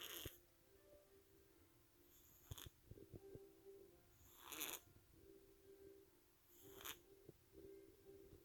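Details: Soft, regular wheezy snoring breaths from a sleeping cat, about four in eight seconds, with faint background music: snoring.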